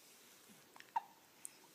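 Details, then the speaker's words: Baby hiccups: one short, sharp hiccup-like catch of breath and a faint click in a quiet room. "You get hiccups and sneezes?"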